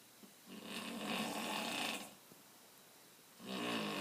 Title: some guy snoring